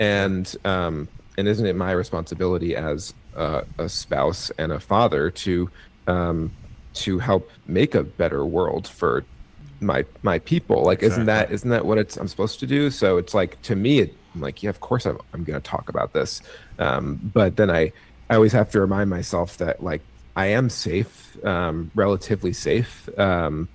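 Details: Stuttering in an adult white man with cerebral palsy who believes his stutter is related to his CP; part-word and word repetitions are present.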